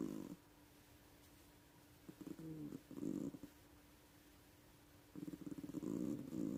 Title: When your cat snores louder than you!😅 she's so cute!🥰